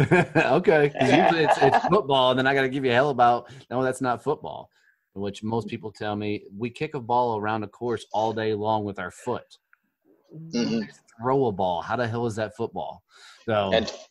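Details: Adult man speaking; typical speech.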